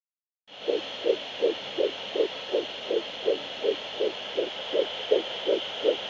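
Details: Fetal heartbeat at 11 weeks 5 days of pregnancy: rapid, regular whooshing pulses at about 160 beats a minute over steady hiss.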